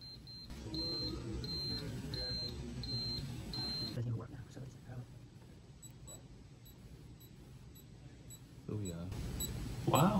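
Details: Regular short electronic beeps from an Airpex apex locator during root canal working length measurement, set one bar into the green and compared with Root ZX II, then quieter room noise and handling sounds.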